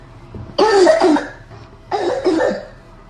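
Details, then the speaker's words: Barking cough in a child with croup (laryngitis), swelling and inflammation at the vocal cords: two harsh, seal-like barking coughs. "Лайфи кашель - это крик челеня или лай собаки. Вот такой."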